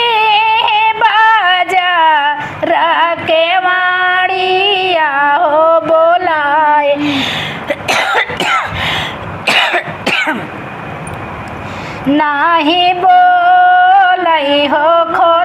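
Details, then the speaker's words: A woman singing a sohar folk song breaks off with a burst of coughing and throat clearing, then resumes; she says she is unwell with a cough and cold. "Please आप लोग सुनिएगा थोड़ा तबीयत ठीक नहीं हमको भी खांसी जुकाम हुआ है गा नहीं पा रहे बार-बार खांसी आ जा रहा है।"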